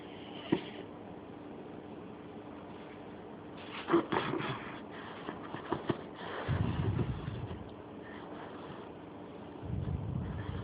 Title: Pitbull snoring!!!